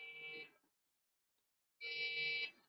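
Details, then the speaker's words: Two high-pitched half-second beeps separated by silence from a Beluga neonatal resuscitator's metronome, pacing ventilations at 30 per minute with PEEP 5 and PIP 20 in a demonstration; the metronome can be switched off. "i'm not a nurse or a doctor so i'm not perfect at it the beep helps me the nurses and doctors are trained so we don't need that assistance"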